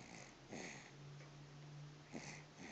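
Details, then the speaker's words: 9.5-week-old baby girl with her first cold, congested, sleeping on a lap: soft snoring with noisy, snuffly breaths through a blocked nose and a brief breath-hold pause; she doesn't usually snore. "She's had her first cold. And she's sleeping on my lap right now. And she's snoring."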